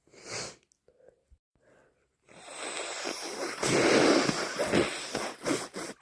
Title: Bad cold - 2 messy sneezes and blows